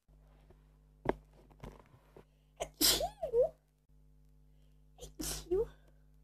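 Two sharp, explosive sneezes, each preceded by a quick inward breath, in a quiet room.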